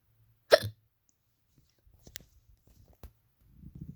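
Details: A single sharp, abrupt, voiced hiccup followed by faint clicks and soft sounds in a quiet room; hiccup.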